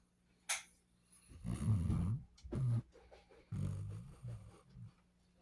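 Deep, rumbling, fluttering breathing noises in several uneven bursts after a brief sharp sound: a dog snoring.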